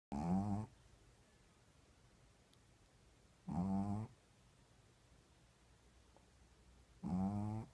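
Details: A Shih Tzu snoring in a still room: three short, low, rattling snores at regular intervals, about 17 a minute, with quiet pauses between them.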